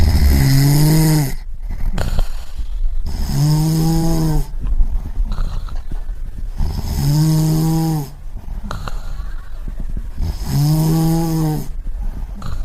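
Deep, rattling, voiced snores in a steady rhythm, each followed by a softer breath out; sound-effect recording of snoring.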